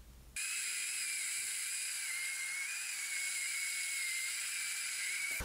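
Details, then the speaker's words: Tooth with a horizontal root fracture before extraction: first drill of an Easy Extract system with an endo stop to limit penetration past the apex. Steady high-pitched dental drill whine for about five seconds. "this is easy first drill of the easy extract system and I've got an endo stop on the first drill so I don't penetrate very much pass the apex of the tooth"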